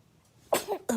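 A short, sharp burst of air after a faint intake: a baby's sneeze.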